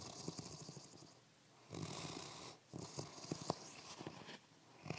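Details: Sleeping animal exhausted after a day at daycare: soft, rhythmic snoring and snuffling breaths with quiet room noise.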